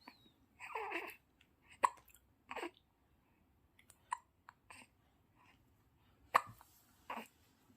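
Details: Newborn baby boy having his first hiccups: short, sudden catches of breath every second or two, some with small squeaks, in a quiet room; hiccups.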